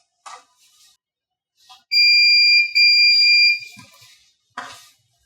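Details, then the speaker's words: Two loud, high-pitched beeps in close succession, with faint handling noise, as a Shining FabCure 2 curing station confirms it has connected to the wireless network and its screen shows "succeed". "Those two beeps and it says succeed."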